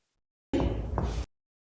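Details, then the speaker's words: Two quick hollow taps in comparative lung percussion, starting at the supraclavicular region and clavicle, examiner standing right of the patient; clear, resonant note of normal lung. "Comparative percussion, always in every side of the lung we will hear the clear lung sound."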